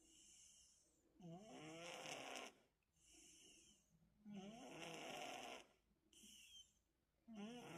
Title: the sweetest snoring 💕#cat #cats